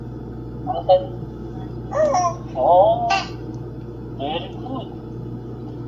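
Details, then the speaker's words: Two-month-old baby girl making soft vowel-like coos separated by pauses against steady room hum; normal early infant cooing. "Ah dalawang buwan. Dalawang buwan nagsasalita."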